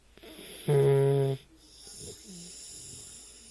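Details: Sleeping dog wearing a collar, which the owner thinks causes the snoring, with a paw wound he keeps licking: a single loud buzzing snore, then quieter wheezy snuffling breaths; snoring.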